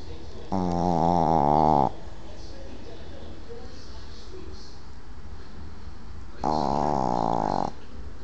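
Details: Sleeping 6-month-old Boston terrier: two loud, buzzing snores about six seconds apart, over steady background hiss; snoring.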